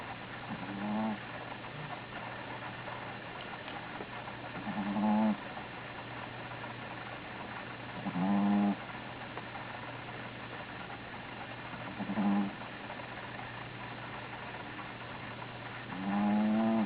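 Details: Sleeping Belgian Griffon dog, female, napping: low, throaty snoring noises at regular intervals, about fifteen per minute; stertor (snoring).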